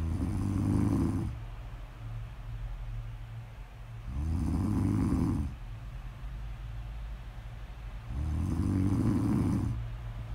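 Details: Snore audio ASMR: loud, rattling snores on each breath in, roughly every four seconds, about 15 breaths a minute, with a low hum behind.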